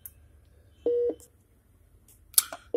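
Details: Philips IntelliVue MP20 multiparameter patient monitor being demonstrated through its menus: steady electronic beep with quiet button clicks in a quiet room.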